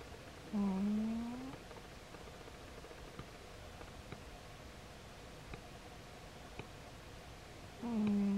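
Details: Snoring from a 17-year-old female cat with early kidney disease.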